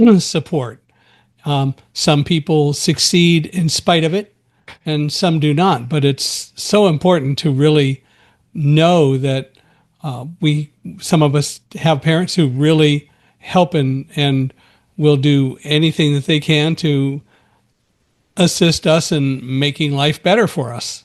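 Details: Adult speaker; typical speech.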